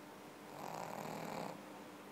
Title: Pekingese- Pink, the pekingese snoring